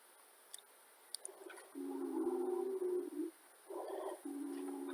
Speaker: wheezing is heard when air passes through an area where the passages are narrowed